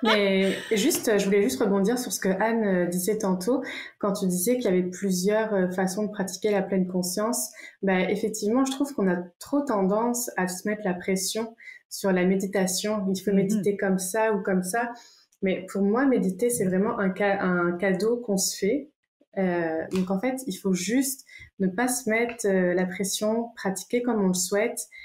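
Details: Stuttering in an adult French-speaking woman who stutters and uses meditation to manage her stuttering moments.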